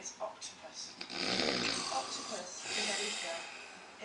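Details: Adult man (a father) snoring: loud, rough, rattling breaths with snorting bursts, faint voices in the background.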